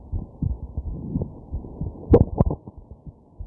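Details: Heartbeat recorded at night while sick with a stuffed nose, lying down with hiccups: soft muffled heartbeat thuds with a couple of sharper, louder hiccup jolts mixed in.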